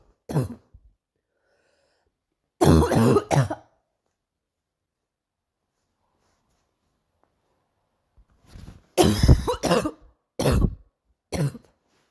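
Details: A girl coughs in short bursts: a couple of coughs, a pause, then a run of about five more coughs.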